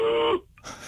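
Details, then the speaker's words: An adult, explaining pertussis, imitates the whoop heard as patients breathe in after coughing: a short, drawn-out, high-pitched sound, then a quiet pause. Whooping cough inspiratory whoop (imitated). "이런 소리가 합니다 실제로 그래서 환자분들이 기침하고 하는 소리가 나면 아 우핑 커프 이것이 아주 특이한 백일의 증상이고"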